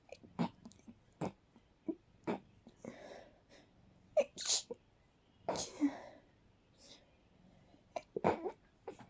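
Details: Night-time sneezing fit deliberately stifled to avoid waking others: a run of quiet, held-back sneezes with soft breathy bursts and short pauses between them in a quiet room.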